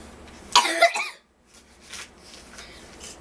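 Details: A child coughs in a short burst of two or three quick coughs, then quiet room sounds with faint breathing.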